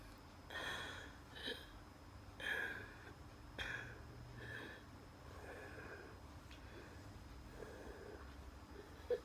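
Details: Wheeze during a night asthma attack, with dizziness and chest pain.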